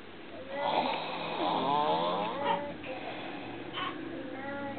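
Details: Snoring right after arriving home from three days in hospital, asleep before reaching the bed: drawn-out rattling inspiratory snore with a whistling edge in a quiet room; snoring.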